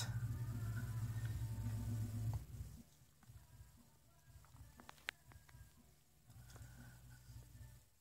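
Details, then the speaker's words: Goldway G30 patient monitor pump, repaired after failing to inflate, inflating a blood pressure cuff on the technician's own arm: steady low motor hum, then clicks and faint pumping; reading 138/98, pulse 112. "i see the bug now is inflating and the pressure is going up it's going down oh it's going up again"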